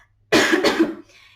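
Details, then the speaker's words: Single harsh, deliberate cough under a second, done by a French-speaking adult to clear a strained voice, in a quiet room with faint hum. "Vous m'excusez, j'ai la voix qui déraille, je vais donc tousser."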